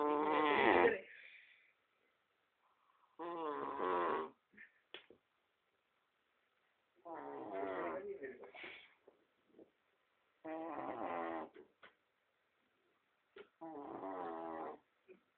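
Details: Human friend sleeping: five loud, rattling, deep snoring breaths about three seconds apart with quiet pauses between.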